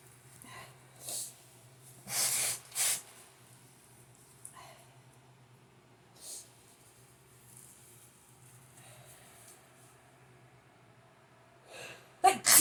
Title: Blowing nose and sneezing